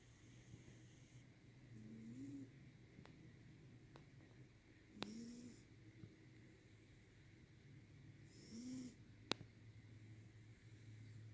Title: Snoring cat